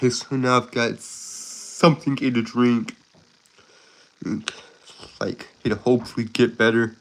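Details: Stuttering in an adult male who calls himself a Southern stutterer with a speech impediment; he is currently sick and recovering.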